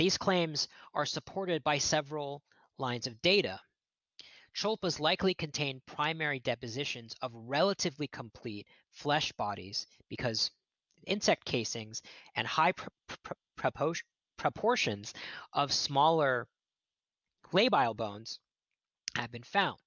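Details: Real stuttering with word repetitions in an adult man who states he is a person who stutters, heard during a lecture he is giving.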